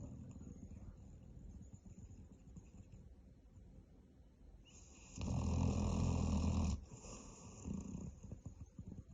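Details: Sleeping Bracco dog snoring: quiet low rumbling breathing, then one loud harsh snore lasting over a second and a softer one after it.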